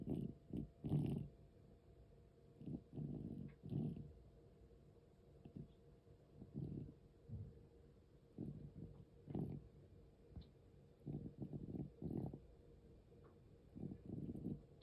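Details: 13-year-4-month-old cat with asthma: low, rough breath sounds in irregular bursts, about 21 per minute, with noisy, labored airflow. It also occurs during sleep, and sometimes stops.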